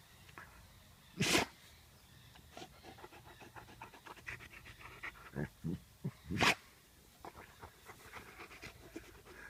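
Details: A Gordon setter sneezes twice, two sharp bursts several seconds apart, amid panting and grass rustling while rolling in grass after a run.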